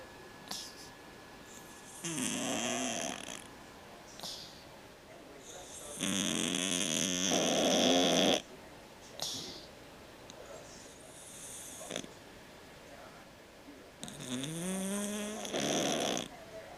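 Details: Cat snoring very loudly, with noisy breathing due to a condition it had as a newborn, now fine: loud, harsh, irregular snoring with long rattling breath sounds and snorts.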